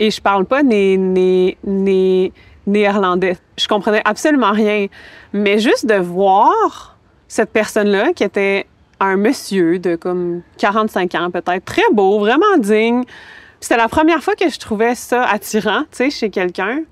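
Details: Adult woman who has stuttered as long as she can remember, with speech never automatic and frequent fear of stuttering; sound repetitions occur; stuttering.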